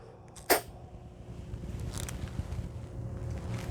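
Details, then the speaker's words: Metered dose inhaler with open-mouth technique, held two fingers from the open mouth after full exhalation: a single sharp inhaler puff as slow inhalation begins, followed by a breath hold of up to ten seconds. "so fully exhale two fingers away open mouth I'm gonna start my breath in"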